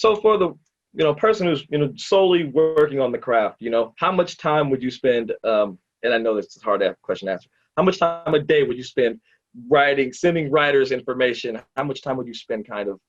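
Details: Adult male speaker; normal conversational speech.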